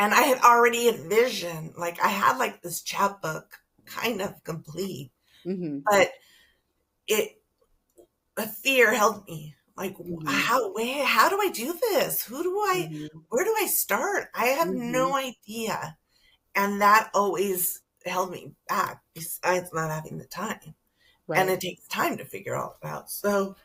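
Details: Adult woman with spasmodic dysphonia that began with stress in her first year as a teacher and took two years to diagnose; treated with Botox injections every few months, now at the end of her three-month cycle; spasmodic dysphonia.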